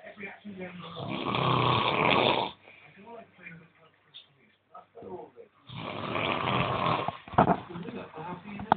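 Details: Man snoring heavily in his sleep: two harsh, rattling snores on breaths in, separated by quieter breathing and faint room noise.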